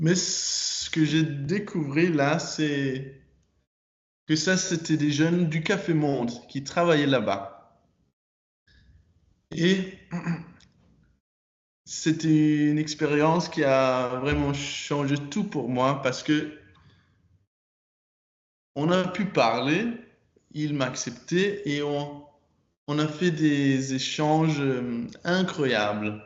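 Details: Stuttering in a 22-year-old man speaking French, with repetitions and blocks. His stutter was very strong when he was younger and still affects him.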